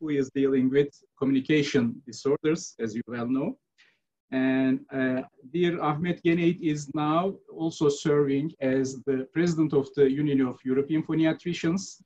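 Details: Adult male speaker; normal speech.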